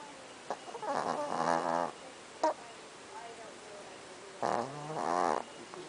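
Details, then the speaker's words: Sleeping small Chihuahua dog snoring: two long, rough, vibrating breaths a few seconds apart with quiet breathing between; these dogs snore often, sometimes very loudly. "Usually they're louder, but they snore a lot."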